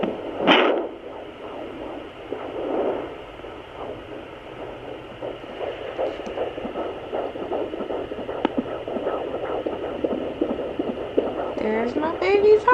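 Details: Home fetal Doppler picks up a rapid, rhythmic whooshing fetal heartbeat after scraping noise as the probe is moved over the belly. The displayed rate was not accurate.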